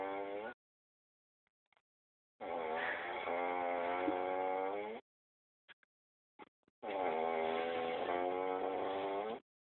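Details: Man (brother) snoring unusually, with loud, strongly pitched snores at about 14 a minute, each lasting two to three seconds with quiet pauses between: snoring.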